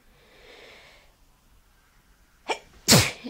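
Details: Sneeze at the end of a sneezing fit: a short intake of breath, then a sharp, explosive sneeze.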